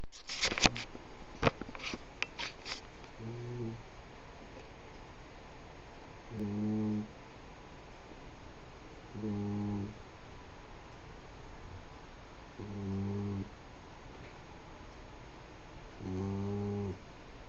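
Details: After a few clicks, steady buzzing snores on each breath, about 19 a minute, with room noise behind; snoring.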